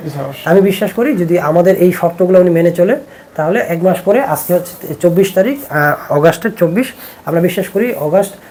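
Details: Adult male speaker; typical speech.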